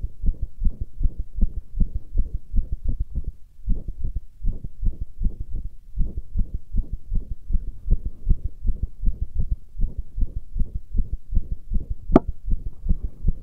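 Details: Heartbeat labelled "pressure heartbeat": fast, dull rhythmic lub-dub thumping at roughly 80 beats a minute.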